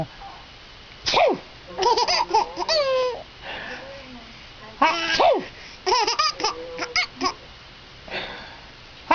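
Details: Two sharp sneezes, each followed by bursts of a baby's squealing laughter at the sneezing.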